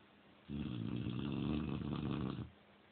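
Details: Female Cane Corso dog asleep, snoring like this almost every night: a single loud, deep, vibrating snore lasting about two seconds against quiet room noise; loud snoring.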